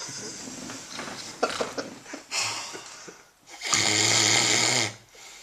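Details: Man known to snore heavily sleeps wearing a homemade anti-snoring device adapted from a trash bag and plastic; rustling and clicks, then a loud, harsh, rattling snore about a second long with a low buzzing undertone.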